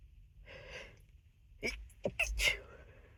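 A sharp inward gasp, then several short, muffled bursts of a held-back sneeze in a quiet room; stifled sneezing.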